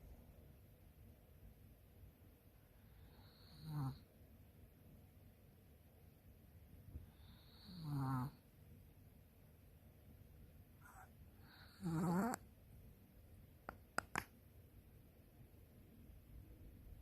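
Three rough, rattling snores on breaths in, a few seconds apart, over quiet room noise: snoring.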